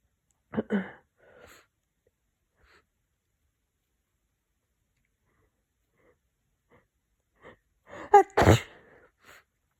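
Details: Sneezing fit during a cold: two short bursts of sudden sneezes separated by a long silence, in a quiet room.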